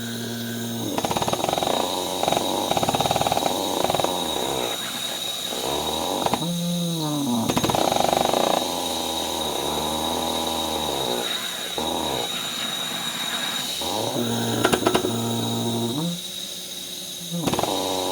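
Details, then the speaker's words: Vortran Percussive Neb 2.0 run by a respiratory therapist on himself while unboxing and setting it up: rapid buzzing mechanical pulses, about four per second, with steady airflow hiss. He says it feels like extra resistance, similar to EzPAP. "so what it feels like [Music] comfortable small engines running but what it really feels like is a lot of extra core resistance very similar to easy PAP"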